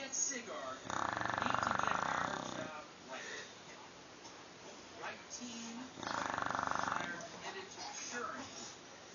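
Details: Bulldog asleep: two long, rough, buzzing breaths about five seconds apart, separated by quieter breathing; loud snoring.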